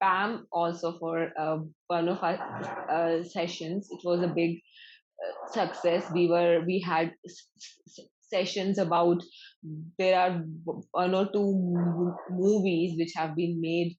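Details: Adult man from the Netherlands who stutters, at times severely; long pauses between words suggest blocks; stuttering.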